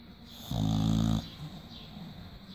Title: British Bulldog Keiko Snoring